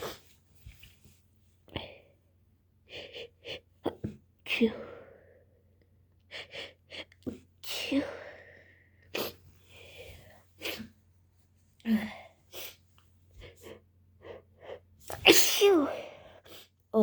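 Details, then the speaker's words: Girl with a cold and allergies in a sneezing fit, sneezing into tissues: a rapid run of many short sneezes with brief gasping breaths between them, in a quiet room. "I'm sneezing into tissues, but they're all getting wet."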